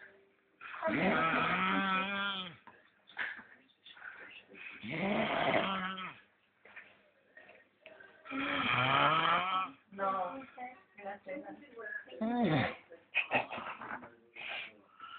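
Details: Sleeping subject snoring: loud, rough, rattling snores on each breath in, about 17 a minute, with quieter breathing between them.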